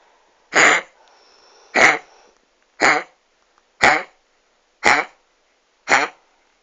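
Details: Dog (female) with kennel cough gives six harsh, dry, honking coughs about a second apart; tail wagging.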